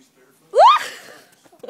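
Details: Young child imitating an adult's sneeze for fun: voiced, rising 'ah' ending in a brief breathy burst, a playful imitated sneeze.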